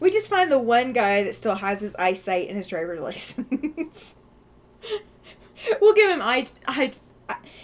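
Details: Adult woman with a stutter that is usually not heard, stuttering off and on today, which she suspects is caused by anxiety and stress; repetition such as "I I" is heard; stuttering.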